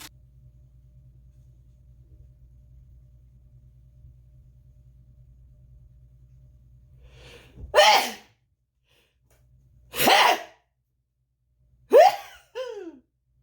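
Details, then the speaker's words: Three loud, forceful adult sneezes in a row from a woman (the cat's owner) after low room hum, described as robust sneezes. "uh mom knows how to sneeze y'all got little baby sneezes mom knows how to sneeze good is that robust we got robust sneezes over here"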